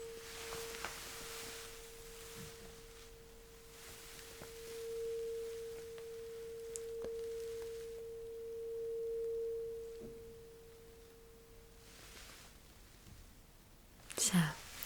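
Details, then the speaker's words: Simulated ASMR cranial nerve exam hearing test: tuning fork placed on the bone behind the ear, highest-pitched fork first; steady pure humming tone sustains about eleven seconds then dies away as patient reports when sound stops. "ly to let me know when you stop feeling hearing the vibration and the sound okay right behind your ear I'll place it right there this bone"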